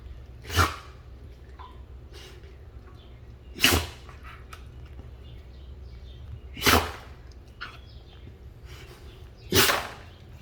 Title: Akita puppy sneeze